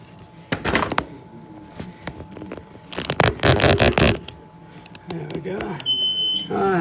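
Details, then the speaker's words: NxStage home hemodialysis machine being set up for nocturnal dialysis, after being unplugged and moved into the bedroom: short electronic beeps and a sustained tone amid handling clatter and talk; the alarm signals a power failure. "So if you hear that beeping, that beeping is a pure flow. Okay. So it's yelling at me saying that was a power failure."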